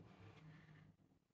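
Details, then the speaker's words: A sleeping dog snoring in a quiet room: a single low, rumbling, fluttering snore. "that is everything that I bought the dog is snoring I do apologize if you can hear that"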